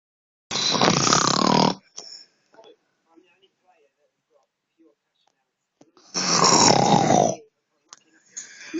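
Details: Man in deep sleep snoring loudly, likened to a pig honking: two long, harsh, honking snorts several seconds apart with near silence between.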